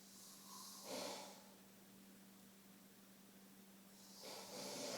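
Two harsh, airy breaths a few seconds apart over quiet room hiss; noisy breathing of snoring.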